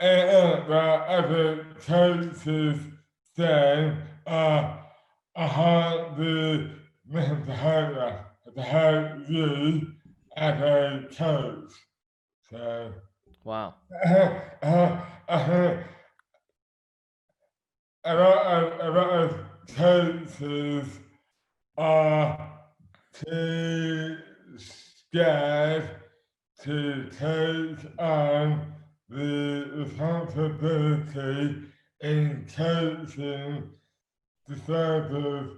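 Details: Adult man with dystonia; slurred speech began suddenly overnight after a night out on the May bank holiday 2008, without known cause; hands also affected; speech dramatically impaired; dysarthria (oromandibular dystonia)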